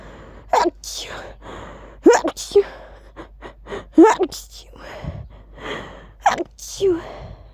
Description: I really tried to actually say "Achoo!" while sneezing. They sound so weird like this 😂 but it was fun to try 🤧